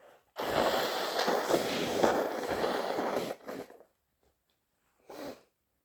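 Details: Wet sneeze with a snotty nose blow: a long, wet, forceful nasal blast with a trailing bubbly noise, then a shorter burst.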